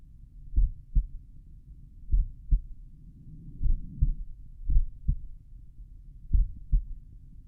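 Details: Self-recorded stethoscope heart sounds at the mitral area, lying on the back, played slowed down: regular paired lub-dub thumps about 38 pairs a minute as played, over low background rumble; recorder asks how it sounds.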